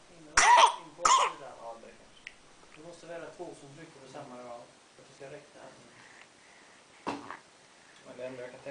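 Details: Baby adopted from South Africa, crawling, cooing and sneezing, gives two sharp coughs, then soft cooing babble and one more brief cough-like burst.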